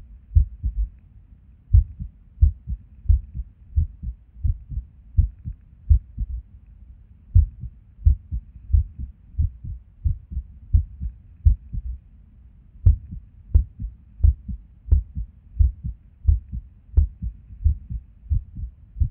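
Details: Resting heartbeat recorded at Erb's point while sitting at a desk: low thumping beats about 85–90 a minute with uneven spacing and occasional pauses; irregular heartbeat with skipped beats.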